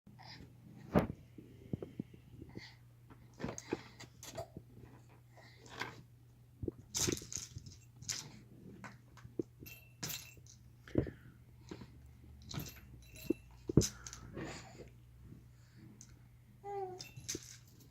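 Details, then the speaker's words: Small pet with hiccups: repeated brief, sharp, jerky sounds about every second, with a person's voice near the end remarking on the hiccups. "Oh, what's that? Look at the hiccups."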